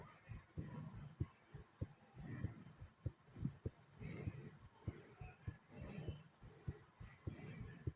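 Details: Fast heartbeat after doing 25 squats: quick, low thumping beats, roughly 100 a minute, with soft breathing noise.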